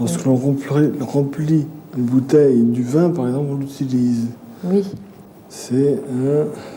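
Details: Aphasia in an adult male with a brain lesion during a picture-naming test: lack of the word, substituting one word for another while searching for an object's name; aphasia with word-finding difficulty.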